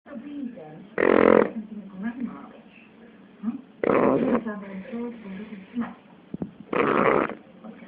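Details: 9-week-old Shar Pei puppy snoring, which she does like this all night.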